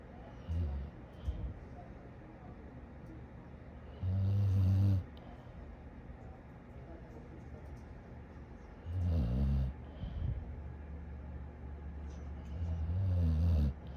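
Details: Tired sleeping dog after a big day: three loud, low, rattling snores about five seconds apart with quiet breathing between; ordinary dog snoring.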